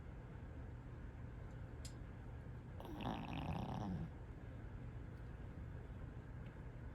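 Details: A dog snoring loudly and continuously while asleep; snoring.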